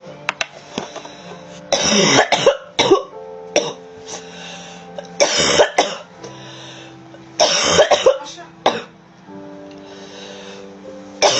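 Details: Compilation of coughs from TikTok clips: several harsh cough bursts over background music.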